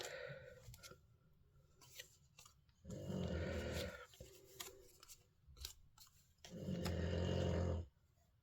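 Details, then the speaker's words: Snoring from Lexi, a dog, heard in the background. "That is Lexi, you can hear snoring, by the way."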